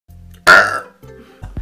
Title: Burps Part 2